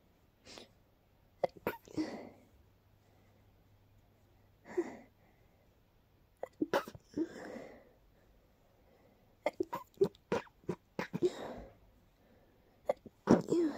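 A run of short, sharp sneezes in quick clusters, with brief breaths between them; a sneezing fit.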